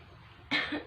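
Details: Demonstration of postural drainage and effective cough training in an adult female patient: a quiet pause after a deep breath, then one strong, forceful huff cough to bring up sputum.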